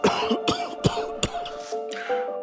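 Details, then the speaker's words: Four sharp, dry adult coughs in quick succession over soft background music, an acted chronic cough that never goes away and remains unexplained despite tests. "I'm that person coughing. It's just unbearable. It never goes away."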